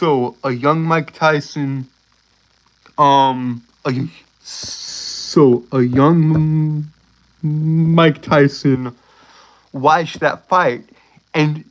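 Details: Male speaker with a self-reported speech impediment he says he cannot control; stuttering.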